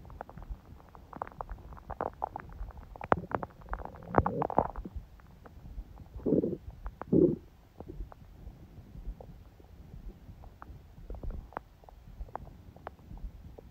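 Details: Adult's abdomen, on a day of a smoothie breakfast and salad when the stomach was mostly quiet: soft, scattered gurgles and clicks with a few louder growls, ordinary bowel sounds.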